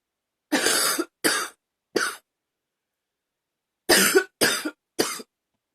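Two runs of three hard, forceful coughs separated by a pause; a harsh, explosive cough.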